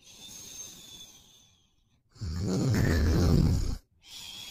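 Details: Boyfriend asleep and snoring: one loud, low, rattling snore on an in-breath, with quieter breathing before and after; snoring.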